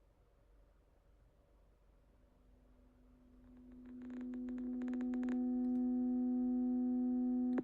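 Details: Pure-tone audiometry test tone from an online hyperacusis test played through calibrated headphones to each ear separately, to find the frequencies that cause discomfort (lowest discomfort level, LDL).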